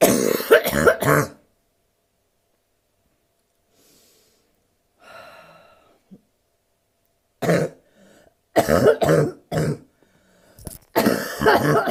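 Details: Woman with bronchitis, worse when lying down, gives harsh loud barking coughs in two clusters separated by quiet with faint breathing; barking cough.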